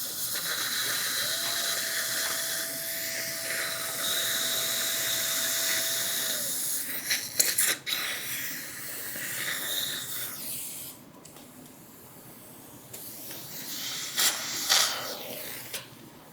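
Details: Full upper-arch roundhouse restoration with 10 mini dental implants in a woman: a steady hiss of suction with a high, even whine of a dental handpiece running for about five seconds during implant placement.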